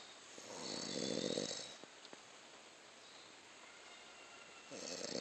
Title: Baby Squirrel Playing on Snoring Man